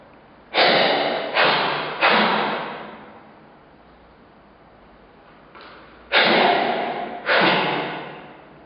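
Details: Juvenile grey seal (Halichoerus grypus) in rehabilitation with hiccups: five sharp, breathy hiccup-like snorts in two close groups, each fading quickly, over a quiet background.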